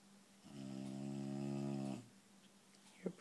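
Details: Loud snoring from a sleeping subject: one long, steady, droning snore lasting about a second and a half, followed by quiet.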